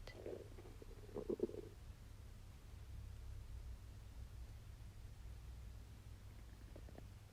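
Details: Stomach noise while digesting a wagyu steak: gurgling, bubbly rumbles early on, then quieter intermittent gurgles over a steady low hum; ordinary bowel sounds during digestion.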